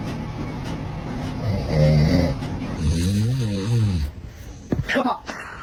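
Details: Dad snoring with a baby nearby reacting: deep, rattling snores on inhalation, followed by brief sharp sounds from nearby.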